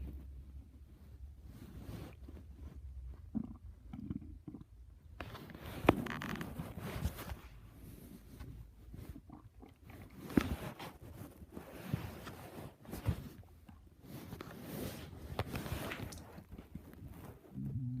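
Quiet, irregular low gurgles and rumbles with some handling noise: ordinary stomach growling.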